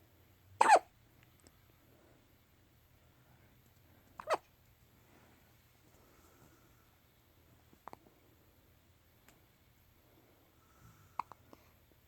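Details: A few short, sharp hiccups spaced several seconds apart in a quiet room; hiccups.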